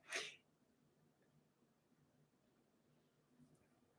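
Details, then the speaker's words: A single short, sharp, hissing sneeze from a dog; owner notes he squeaks and sneezes this way when he eats too fast; an ordinary sneeze. "Did you just hiccup or sneeze there? I think he did. And did you hear that squeak? That's usually a sneeze."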